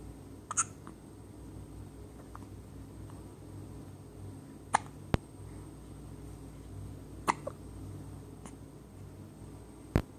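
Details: Hiccups: brief sharp hiccup sounds at irregular intervals, about five in ten seconds, against steady room noise.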